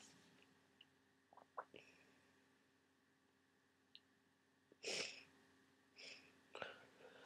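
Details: Sneezing during a head cold with swollen sinuses, worsening today: quiet sniffs and breaths, then a wet, explosive, snotty sneeze and a smaller one into a tissue; some sneezes were induced because they got stuck.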